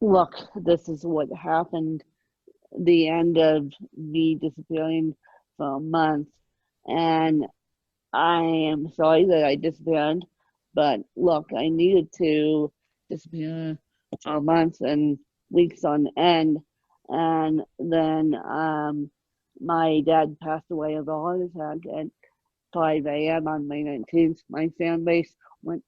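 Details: Adult woman with moderate ataxic cerebral palsy present since birth, attributed to lack of oxygen at birth; ataxic dysarthria (cerebral palsy).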